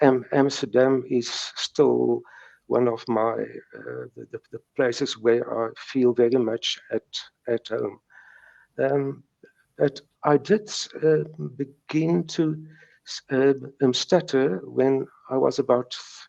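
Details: Stuttering since age three in a man in his 70s, with mild speech blocks that persist.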